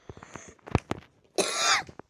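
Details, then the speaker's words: Several short, harsh cough bursts from an adult who is sick, ending in a longer, rough expulsive cough, recorded while talking during a gameplay video. "Bu arada bu videonun Eğerki tekrar düzenlenmiş görebilirsiniz çünkü hasta olduğum için biraz öksürük sesi geliyor"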